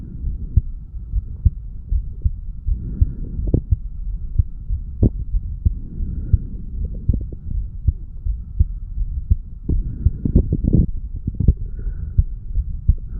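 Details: Steady, fairly quick low heart thumps over a constant hum, from a 35-year-old male, recorded at the mitral (bicuspid) valve area after doing weights; heartbeat after exercise.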